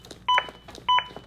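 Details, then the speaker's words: In a training demo, a ZOLL AED Plus defibrillator gives two short electronic beeps about 0.6 s apart after delivering a shock. It is a CPR metronome pacing chest compressions, with real-time feedback on depth and rate. "thing about the soul AED is it has real feedback CPR so if I start to not go deep enough which is a common mistake it's gonna tell me harder"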